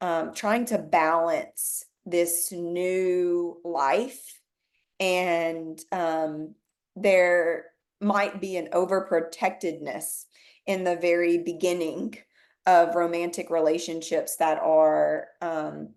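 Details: Person with aphasia speaking quietly in an interview quote about conversation support from friends; aphasia.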